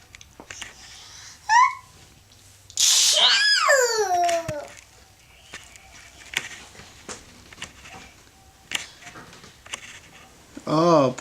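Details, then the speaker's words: Young girl pretending to sneeze, dramatic fake sneezes: a sudden sharp burst with a rising-falling cry-like trail, then a second brief burst, in a quiet room. "Do it again. You gonna sneeze?"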